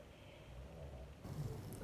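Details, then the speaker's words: Dog snoring in the background during speech. "suis désolé si vous entendez mon chien ronfler"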